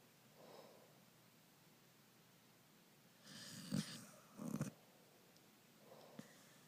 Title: Corgi and owner snoring